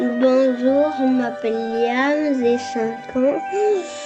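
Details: 5-year-old boy with a lisp, tongue between the teeth while speaking; interdental sigmatism affecting s/z and sometimes ch/j sounds.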